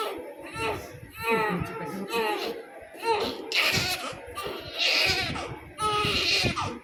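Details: Loud, rhythmic crying in wailing bursts with catches of breath from a newborn baby girl receiving an injection, with adult voices nearby.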